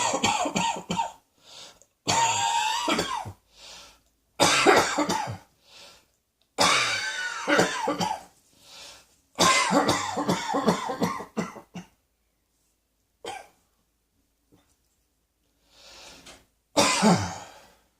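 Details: Cross-dressing person: repeated bursts of harsh, forceful coughing in quick runs, with a few throat-clearing sounds and short pauses between them; coughing.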